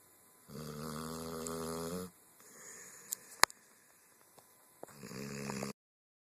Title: Z Snoring II